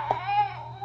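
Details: Infant (little brother) crying over a broom he sleeps with: a brief, tonal cry with a steady pitched wail, heard indoors over a low hum.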